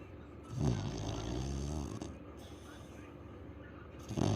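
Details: A very loud, low rattling snore on one long breath, with a quieter stretch between; dog snoring.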